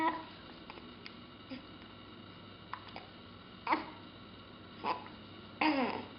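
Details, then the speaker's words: Infant boy with hiccups: short, abrupt hiccup jolts about every second, near the end of the clip, with faint babbling in a quiet room. "Heb je de hik? Hm? Vervelend hè, als je dik hebt."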